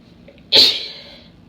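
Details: Female, deliberately induced allergy sneeze: a single sharp, hissing sneeze burst after a quiet lead-in breath, fading quickly; a plain sneeze.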